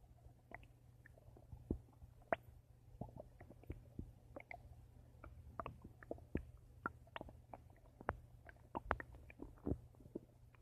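Quiet, scattered clicks and small gurgles over a low steady hum; soft stomach noises of gut movement.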